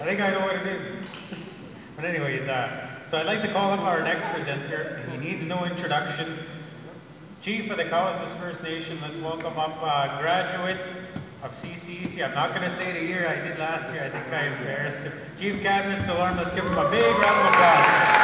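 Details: Adult male speaker; normal voice.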